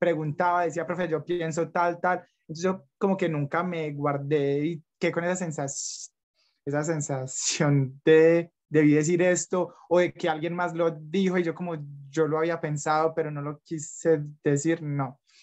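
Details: Young adult man from Medellín, Colombia, who stutters; stuttering.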